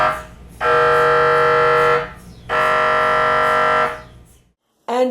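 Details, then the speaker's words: MRI scanner noise inside the machine, as heard by a claustrophobic patient: two loud, steady buzzing tones, each lasting over a second, with short gaps. "And for those who are not familiar with the sounds of being in an MRI machine, they can sound like this."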